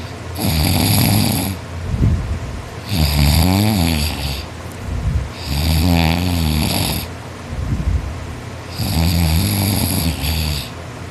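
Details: Boy snoring loudly in sleep after a tiring day of hard work; he says he snores louder when tired. Loud rattling snores on each in-breath, about 23 breaths a minute, like sawing wood.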